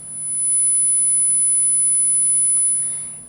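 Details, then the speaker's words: A steady high-pitched ringing tone over a low rumble, simulating the ear ringing of noise-induced hearing loss from loud sounds such as motorcycle riding; tinnitus simulation. "what you just heard before the intro is what hearing loss sounds like is your nerves telling you that your hearing cells are dying"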